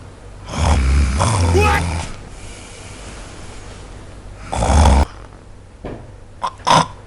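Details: Heavy snoring from a husband keeping his wife awake: loud rough snoring bursts with snorts between quieter stretches, a few breaths heard.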